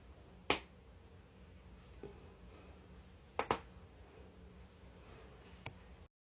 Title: cracking joints